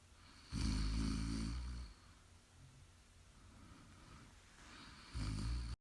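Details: Loud, deep rumbling snores lasting over a second each, separated by quieter breathing, recorded live during sleep; snoring.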